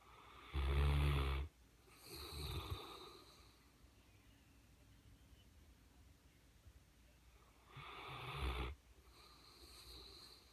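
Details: Mastiff dog snoring: deep rumbling snores on each in-breath with softer out-breaths, about two cycles in ten seconds.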